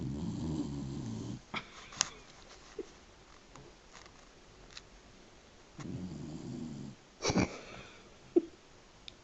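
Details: A sleeping dog gives two low, rumbling snores about 4.5 seconds apart, with quiet room noise between.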